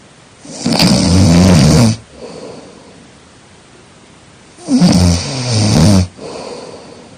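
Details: Two loud, rough, rattling snores on breathing in, each followed by a quieter breath out, in a sleeping person; steady snoring from upper-airway vibration.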